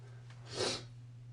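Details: Induced allergy sneeze: one forceful burst of air with a brief background hum, later followed by a soft wet nose blow; sneeze.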